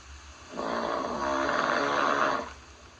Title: snore and then snore some more